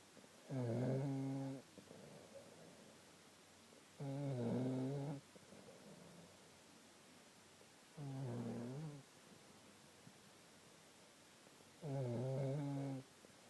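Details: Regular low rattling snores on each in-breath from a sleeping man, about 16 breaths a minute, with quiet out-breaths between; snoring.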